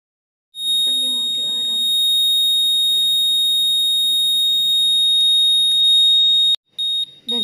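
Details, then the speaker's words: Syringe pump occlusion alarm, a continuous high-pitched beeping tone, demonstrated as sounding when the line is blocked by kinked tubing or a jammed infusion. "kemudian ini menandakan sumbatan contoh ini sumbatan karena Selangnya terlipat ataupun nanti bisa juga karena infusnya macet maka alarm ini akan berbunyi Beep"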